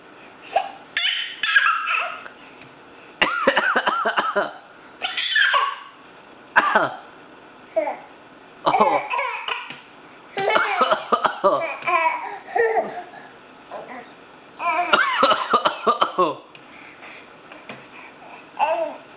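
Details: Young child fake coughing on purpose: repeated short, forced cough bursts mixed with giggly, laugh-like sounds.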